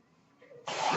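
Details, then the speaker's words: A home mechanical ventilator breath sound, heard in the background while its user closes a spoken podcast. "That noise you're hearing is my ventilator, and thank you for tuning in to Page Turners They Were Not, my Star Wars podcast."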